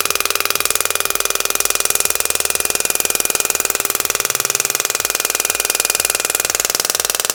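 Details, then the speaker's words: Extracorporeal shock wave therapy handpiece (Shockwave Pro) with tip 5 on a cellulite preset of 2500 impacts, 10 Hz and 100 mJ, demonstrated on the operator's own thigh with ultrasound gel and described as painless. Rapid, very regular mechanical clicking at about ten pulses per second, steady throughout. "so you have to use ultrasound gel so it's preset at 2500 impacts 10 hertz with 100 mj it doesn't hurt at all"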